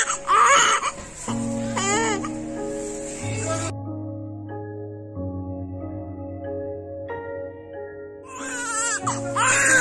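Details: Short bursts of high, strong crying from a male IVF newborn just after birth, with gentle music underneath; examination normal despite abnormal ultrasound findings; vigorous normal first cry.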